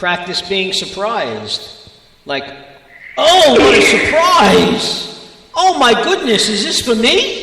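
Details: Adult speaker; Normal speech.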